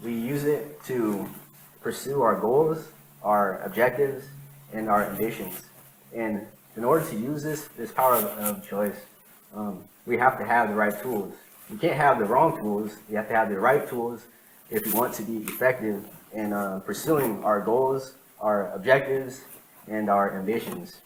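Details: Adult man who has stuttered since he began speaking, at times needing minutes for one sentence; real speech from his own 2013–2019 recordings made while working to improve fluency. Finding: stuttering.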